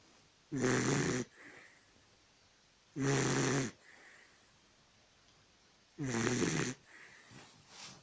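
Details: Sleeping Dachshund snoring: loud, raspy snorting snores about every three seconds, each followed by a soft exhale, in a quiet room.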